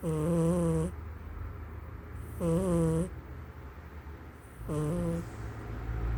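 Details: A cat snoring while asleep: three loud, buzzing snores with a whistle-like tinge, about two seconds apart, with quieter breathing noise between them.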